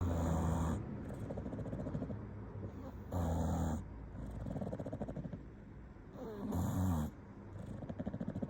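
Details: Sleeping English bulldog snoring, possibly dreaming: low, rumbling snores return every few seconds, about 18 a minute, over steady, noisy breathing.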